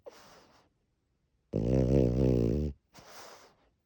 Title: Our frenchie snoring in my arms with open eyes